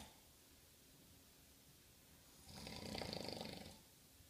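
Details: Person snoring: a single rattling, fluttering snore about one second long in a quiet room.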